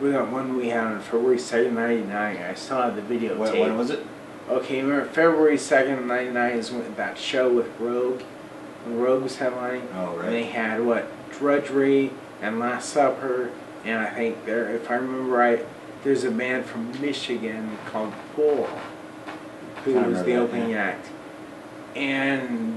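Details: Man almost 40 with Friedreich's ataxia, a recessively inherited, progressive, degenerative neuromuscular disorder with early onset in childhood; uses a wheelchair; ataxic dysarthria.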